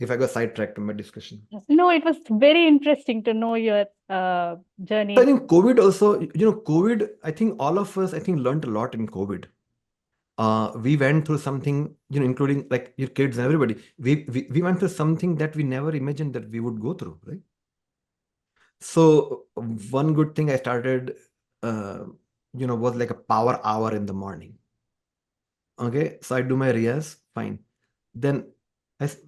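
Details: Adult man, a person who stammers, says music has helped his stammering; conversational speech; stuttering (stammering).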